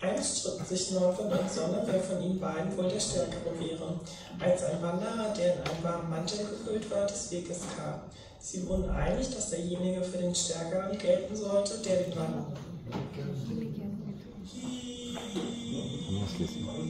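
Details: 21-year-old transgender woman after glottoplasty and follow-up voice therapy, reading a German passage; voice after glottoplasty (surgical voice feminization).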